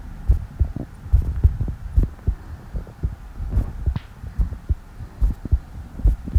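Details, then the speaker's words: Person during a prune juice challenge who says their heart feels like it is beating very fast: steady low heart thumps at about 70 beats a minute, a regular rhythm, not racing. "感觉我的心跳在不动的在跳，心跳跳得好快呀！"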